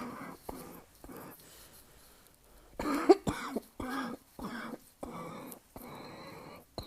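A run of about eight harsh, hacking coughs with throat clearing and short breaths between them.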